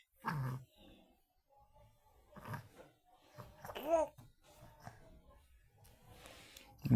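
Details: Young daughter sleeping on the floor: scattered babbling, murmurs, growl-like sounds and a short sing-song sound separated by quiet gaps; sleep talking, described as natural in children.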